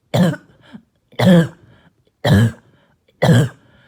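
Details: Barking, hacking cough during an exhausting night of coughing: four harsh, hoarse cough bursts about a second apart.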